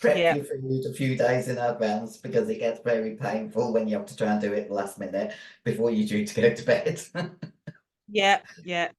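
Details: 56-year-old female bodybuilder with androgen-induced voice deepening (virilized voice) after large doses of anabolic/male steroids. Her formerly high-pitched voice is now very deep and she can no longer sing. She also has chronic kidney disease and past liver damage.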